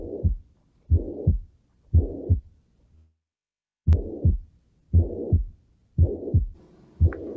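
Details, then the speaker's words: Recorded example of chronic severe mitral regurgitation: regular heartbeat about 58 a minute with a constant, intense holosystolic murmur of the same intensity lasting from S1 to S2. "Y bueno, se supone que así debería de escucharse cuando haya una insuficiencia mitral crónica grave."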